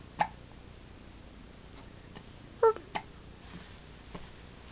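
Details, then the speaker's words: Baby girl hiccupping after just eating, kicking around happily: a few sharp, abrupt gulping sounds spaced irregularly in a quiet room; hiccups. "those hiccups again"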